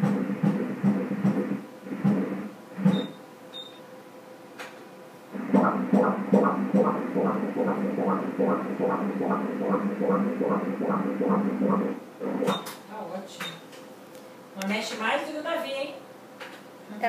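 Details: Fetal heartbeat on Doppler at 18 weeks 6 days' gestation, baby girl moving a lot: fast regular whooshing at about 146 beats a minute with rustling from movement; normal fetal heart rate.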